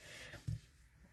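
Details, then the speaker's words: 15-year-old dog snoring loudly in a quiet room: a single brief, low rumbling snort with faint background hiss. "Oh my gosh, she's snoring so loud. Can you guys hear it?"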